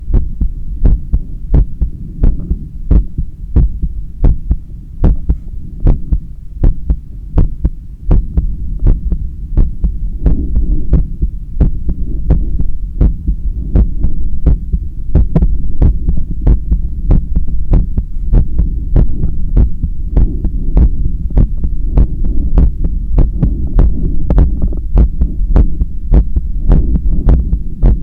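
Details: Own heart via stethoscope held on chest during resistance-band bicep curls: fast, regular heartbeat speeding from about 100 to 120 beats a minute, with rubbing noise.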